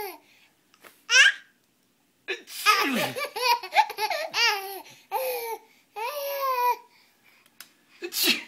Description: Baby laughing at Papa sneezing